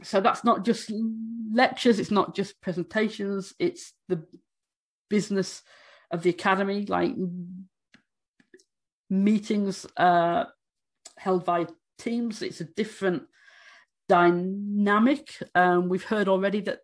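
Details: Adult woman who states she stammers, speaking during a conference presentation on stammering; stammering.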